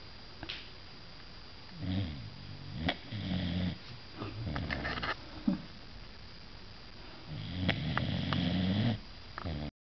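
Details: Sleeper snoring: low rumbling noises on breathing in, several across the clip, with some clicks and room noise.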